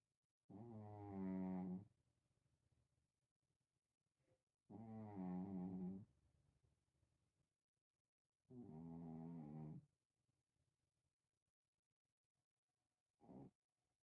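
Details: Sleeping cat snoring: three soft, buzzing snores at about 15 breaths a minute in a quiet room.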